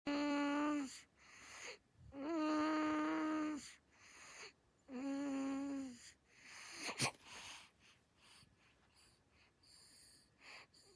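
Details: Sleeping infant snoring: squeaky, tonal sounds on each breath with softer airy exhales between, about 23 breaths a minute.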